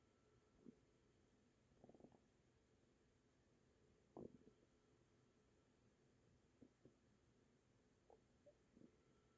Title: stomach noise - rumble in the night